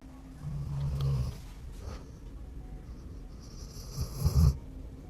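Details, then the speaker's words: A very old 14-year-old dog in deep sleep, said to be snoring louder than before, gives low rumbling snore-like breaths over faint room noise; snoring. "Y eso tiene 14 años, ¿eh? Ya es un perro muy viejito, está roncando más fuerte, ¿eh?"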